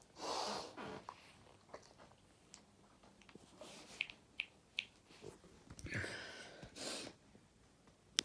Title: Hayfever sneezing